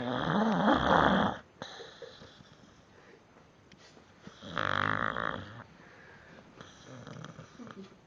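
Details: Sleeping dog snoring, recorded on a mobile phone: a loud, rattling snore on each in-breath with quieter snuffling between.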